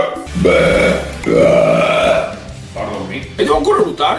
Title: Talented guys burping from different nationalities/ Chicos eructando de diferentes nacionalidades.